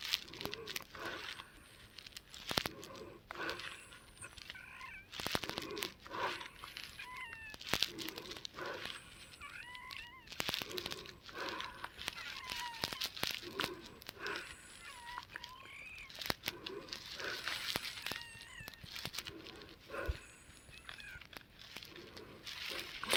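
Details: Adult woman wheezing around 2 AM, about 3 hours after a nebulized Arformoterol and Pulmicort 0.5 mg treatment at 11 PM; noisy breathing with repeated high-pitched squeaky whistles on each breath, from narrowed airways.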